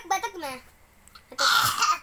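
A few sung-sounding syllables, then a short forceful, breathy cough-like burst, a young child imitating a cough on request.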